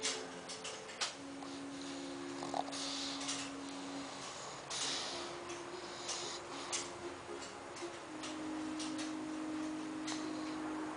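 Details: 9-month-old pug sleeping on a Sunday afternoon: steady whistling, tonal snores with each breath over faint room noise, snoring through a narrowed airway.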